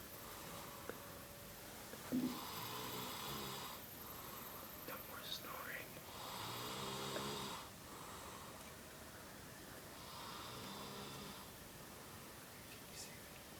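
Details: Male sleeper snoring: repeated rough, rattling breaths with low buzzing vibration, roughly every four seconds, over steady room noise.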